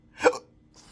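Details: Intractable hiccups since December 2015 after surgery with nerve damage (injected pudendal nerve, phrenic and vagus involvement), recorded during a montage: a single sharp, voiced hiccup in a quiet room; involuntary diaphragm spasms.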